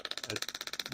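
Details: Rapid, even train of sharp clicking pulses, about fourteen per second, from an acoustic shockwave therapy applicator at its lowest setting, applied to a person near the bone; the patient reports pain, easing after minutes.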